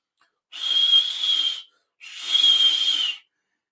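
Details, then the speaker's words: Vocal imitation of a stenotic dialysis access bruit: two long, high-pitched tea-kettle whistles, each about a second, contrasted with a normal whooshing access; linked to high arterial or venous access pressures. "so again you want to listen for the whooshing sound whoosh whoosh you hear that you good you hear that whistling like a tea kettle"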